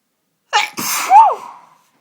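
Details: Sudden bout of sneezing in the past hour: a single sharp sneeze, a quick intake then a forceful explosive burst trailing into a voiced 'choo', one of many repeated sneezes.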